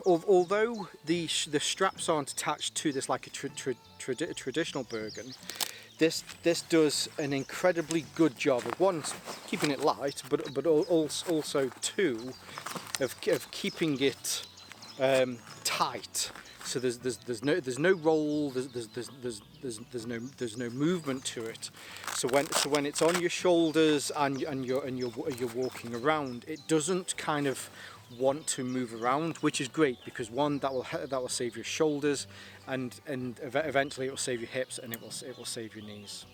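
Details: Adult male with stuttering (stammer) linked to anxiety, on propranolol, which has helped; the stammer is lingering but improving, and talking on camera makes it easier.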